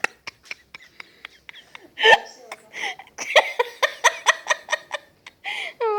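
A regular run of short sharp hiccup catches, about twenty-eight a minute, then laughter mixed with further hiccups.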